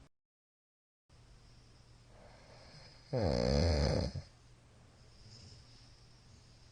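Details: Middle-aged man asleep, recorded 22 Feb 2022 on a night described as especially loud; one loud, rough snore about a second long against quiet room noise: snoring.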